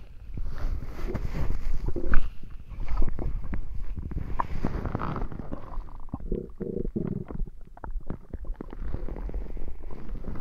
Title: Tummy Ache Gurgles